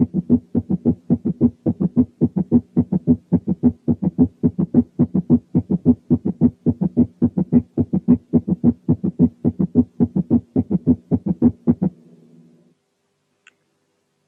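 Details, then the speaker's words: Tachycardia with first, second and third heart sounds at nearly equal intervals, giving a galloping-horse rhythm: S3 gallop. "لما يكون في تاكيكارديا يبقى الفيرست والسكند والثيرد هارت ساوندز على مسافات شبه متساوية من بعضهم، وتتابعهم ورا بعض بيدي إحساس بصوت زي صوت جري الحصان اللي هو الجلب بالشكل الآتي."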